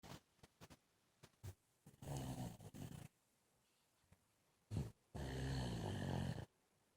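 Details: Baby asleep on a bed makes short snuffly sounds, then two long rattling snoring breaths in a quiet room: snoring during sleep.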